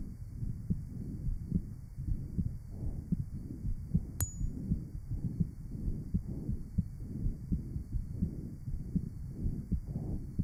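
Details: Heart sounds at the aortic area, recorded 1955 at the Johns Hopkins heart sound laboratory, from a patient with rheumatic heart disease and mitral valve disease.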